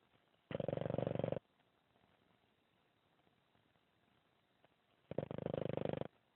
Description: Jake, our Boston Terrier snores almost as bad as a person.